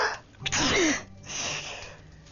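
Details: Simulated sneeze by an actor in a Russian TV drama scene about a woman's recurring sneezing: a single sharp burst of breath followed by quieter room sound.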